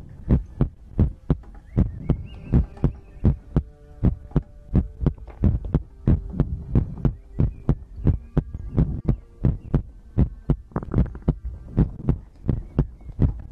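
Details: ASMR recording of a person's own heartbeat made for sleep: even, deep heart thumps around 86 beats a minute with a light steady hum behind; normal heartbeat.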